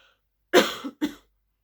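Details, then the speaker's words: Adult with a hoarse voice after talking too much over a weekend gives two short cough bursts, the first harsher and longer, like clearing the throat. "suis désolé j'ai la voix enrouée encore à cause de ce week end où j'ai dû beaucoup trop parler"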